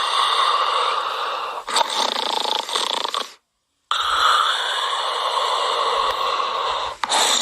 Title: Snoring Sound Effect